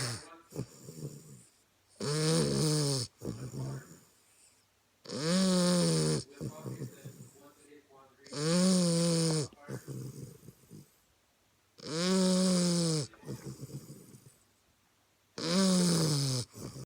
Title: Gertie the bulldog snoring